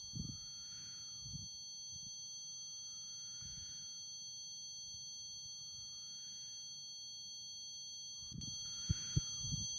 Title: What does my tinnitus sound like?